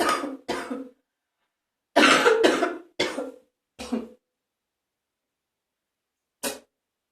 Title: #67 morning phlegmy cough with some spitting in the bathroom ... Ew